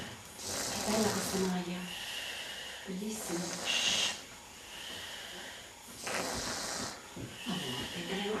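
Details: Snoring recorded July 2007: slow, hissing breaths with a whistling, fluttering snore on each breath, about seven breaths a minute.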